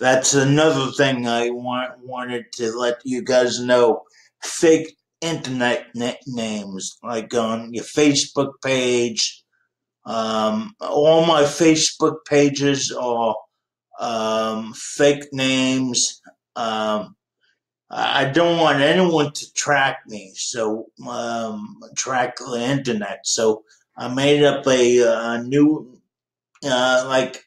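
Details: Dysarthria in a 51-year-old man with cerebral palsy since birth.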